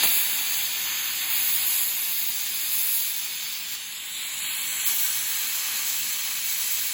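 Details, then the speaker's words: Dental air-water syringe, tip perpendicular, rinsing etch from the interproximal box of a class 2 composite preparation: continuous high hissing spray of air and water. "So, next step, make sure you don't over dry. The tooth should be not wet as it was before, but just slightly moist."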